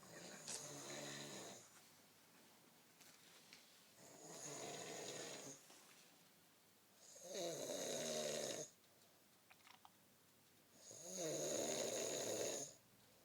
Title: Snoring in a differnt view........